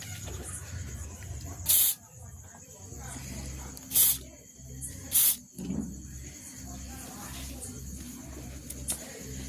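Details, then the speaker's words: Three short hissing bursts of a doctor-recommended spray onto a goat's horn stump, broken in a fight, after an earlier treatment failed; the wound is partly healed and the owner fears infection could endanger the kid. "அடுத்தது doctor சொன்ன spray அந்த கொம்புக்கு அடிச்சு விடுறேன் என்ன பண்றான்னு பார்க்கலாம்."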